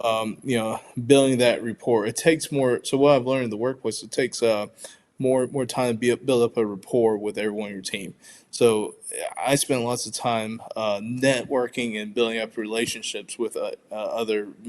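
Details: Adult man who identifies as a person who stutters, speaking spontaneously with audible word repetitions; stuttering.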